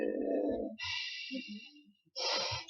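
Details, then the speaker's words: Noisy, snorting breaths from two small flat-faced dogs, a French bulldog and a pug: a rough rumble followed by hissing airflow, snoring. "Alors, vous entendez ronfler, hein, pardon, mais c'est les filles, hein, elles sont là, les deux filles."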